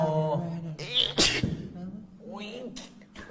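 A quick indrawn breath, then a single sharp, hissy burst: a sneeze, with voiced vocal sounds before and after.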